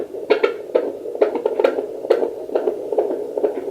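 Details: Home fetal Doppler with a 2 MHz probe and gel, used by the mother herself at 9 weeks pregnant, display reading 141: rapid, regular galloping whooshes over a hum, about 140 a minute; normal fetal heartbeat.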